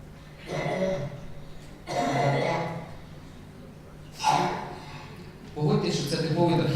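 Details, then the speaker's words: Psychogenic (habit) cough in a boy, shown in a paediatric chronic cough lecture: four loud, honking, near-identical, tracheal-sounding coughs at regular intervals. He repeats them identically on request; a clinical diagnosis of exclusion. "Тобто, дивіться, от він покашляв, і потім каже, все, я більше не можу. Я кажу, давай покашляй ще раз. І він так само знову кашляє абсолютно однаково."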